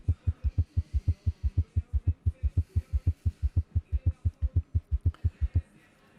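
Fast, regular, low-pitched heart sounds grouped into a galloping three-beat rhythm, ending with a brief click; a summation gallop.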